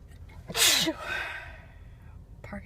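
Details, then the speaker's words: Woman sneezing while driving, looking for a parking spot and trying to pull over: a single loud, explosive sneeze with a sharp hissing burst, then a soft trailing breath and faint room noise. "spot. And started sneezing. Sneezing. I try to pull over."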